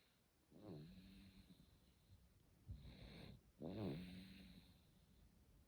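Two rough, fluttering snores with a snorting breath between them in a quiet room: snoring.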